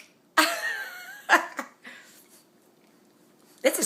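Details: A sharp burst at the start, then two short ones and a final burst; a mother sneezing in a quiet room.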